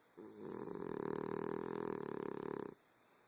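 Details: Dog snoring: a single drawn-out, fluttering snore lasting about two and a half seconds, with a rapid rattling vibration throughout.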